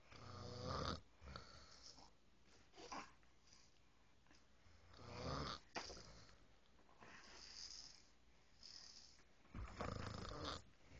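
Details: Adult woman (wife) snoring while asleep in the quiet countryside: loud, rough snores with each breath, about 13 per minute, separated by quieter exhalations; ordinary snoring.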